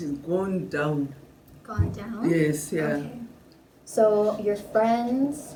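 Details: Adult woman, interviewer; no disorder.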